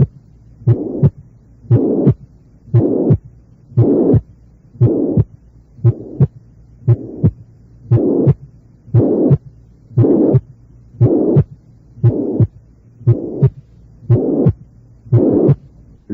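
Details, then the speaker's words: Tricuspid regurgitation murmur: maximal intensity left of the lower sternum, varying with respiration and louder during inspiration, which distinguishes it from mitral regurgitation. "su punto de intensidad máxima se halla a la izquierda del extremo inferior del esternón y varía de intensidad con la respiración siendo más intenso durante la inspiración observe esta modificación en el siguiente ejemplo"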